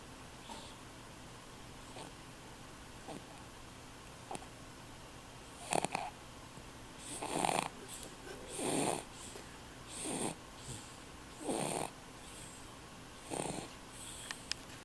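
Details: 3-month-old baby snoring during sleep: soft rhythmic noisy breaths, several in a row, with some room hiss.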